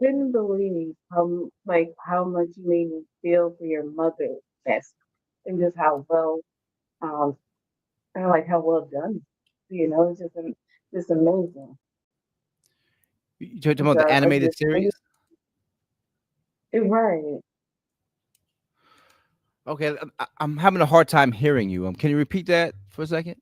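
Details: Adult male author with a lifelong stutter, ten times worse in childhood, worse when excited or relaxed at home; here concentrating to control it; stuttering.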